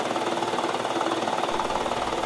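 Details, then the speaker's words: A 12-year-old with cystic fibrosis ends the morning treatment, after albuterol and hypertonic saline, with an airway clearance vest machine: a steady, rapid buzzing hum as it shakes the chest to break up thinned mucus. "finally i end my treatment with the vest machine it breaks up the thin mucus even more"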